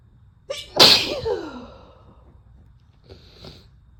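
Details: A female sneezing, from spliced single and double sneezes: a sharp sneeze with a quick breath in, then a softer second burst a few seconds later, in a quiet room.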